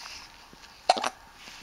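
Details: Baby hiccups in a quiet room: one brief, abrupt catch of breath followed by a small after-sound.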